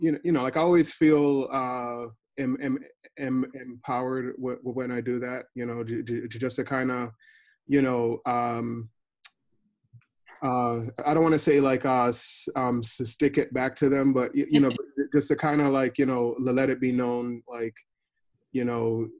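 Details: Person who stutters; stuttering.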